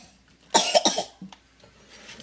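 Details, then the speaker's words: Child deliberately coughing as a joke onto pepperoni while making pizza: two or three quick acted coughs. "Do you have to cough on each individual pepperoni, man? Yes. It's called seasoning, Dad."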